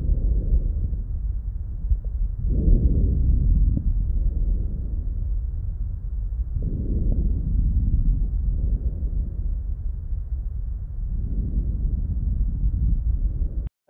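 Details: Lung sounds recorded on an Eko DUO digital stethoscope: soft, low rustling breaths at about 14 a minute; normal breath sounds.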